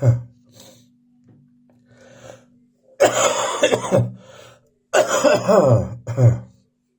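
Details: An adult, still coughing in the morning, gives several harsh coughs and throat clears with short pauses between bursts.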